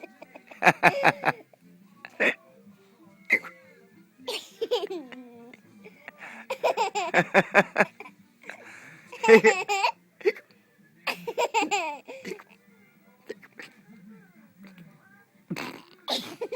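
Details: A young child giggles between short, sharp hiccup catches with an adult's voice nearby: hiccups.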